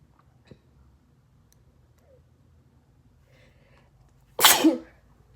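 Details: Quiet breathing, then one sudden loud forceful sneeze, induced: induced sneezing.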